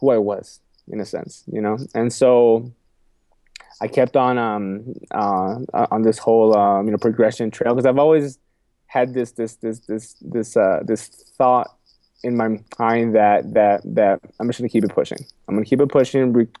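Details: Adult man with a lifelong stutter, repeating a phrase and words several times and saying "excuse me"; stuttering.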